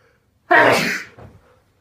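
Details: Sneezing: a single loud, sudden sneeze with a brief trailing breath afterward.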